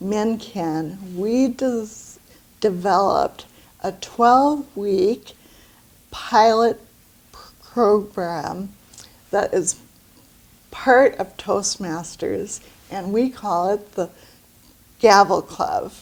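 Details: Woman with aphasia after a stroke about two years earlier, with great difficulty finding words and pronouncing them correctly; aphasia after stroke.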